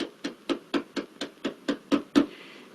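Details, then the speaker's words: Cystic fibrosis chest physiotherapy in a child lying supine with pillows under head and knees: cupped-hand clapping over the upper anterior chest (right upper lobe anterior segment) for 2–3 minutes, ten hollow evenly spaced claps at about four per second. "And you need to clap on upper portion of your chest for 2 to 3 minutes."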